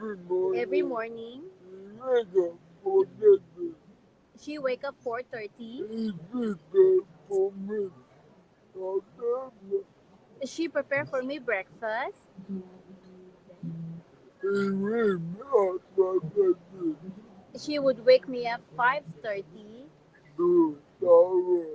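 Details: Dysarthria in an adult man with severe cerebral palsy. His wife was the first person able to understand him and speaks for him, and the host could follow him only after about 15 minutes of lip-reading.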